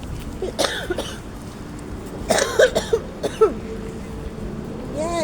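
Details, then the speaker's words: Coughing fit in a mother with a tickle down the throat: several short harsh coughs in bursts with throat clearing over outdoor traffic noise. "sorry there was a lot of coughing because my mom is suffering from a coughing fit fit y tickle tickle down the throat"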